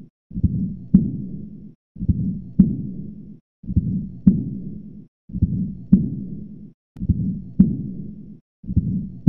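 Slow regular heartbeat, about 36 a minute, with a long blowing murmur filling much of each cycle, consistent with aortic regurgitation.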